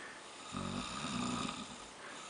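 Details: A man snoring in his sleep: a single loud, rough, vibrating snore on breathing in, over a constant room hum.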